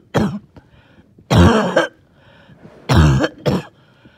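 Four harsh, wet coughs in quick bursts with rattly, phlegmy quality and faint wheezy breaths between, consistent with a productive cough.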